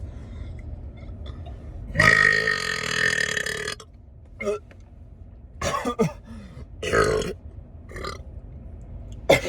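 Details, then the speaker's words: Voluntary loudest-burp attempt after drinking a 7 Up Shirley Temple: a long, loud, drawn-out belch, then several shorter burps and a snort; burping. "And I'm going to try and have my loudest burp ever."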